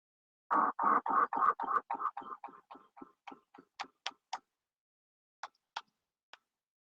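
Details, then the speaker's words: Hyperresonant percussion note, teaching demonstration: a run of quick, hollow, booming taps that fade, then a few sharper ones; very high intensity, lower pitch, longer duration, as found in COPD and pneumothorax. "y la impersonal ya en su intensidad es muy alta su tonalidad es más baja su duración es más larga y la podemos encontrar en lo que es la epo y el neumotórax"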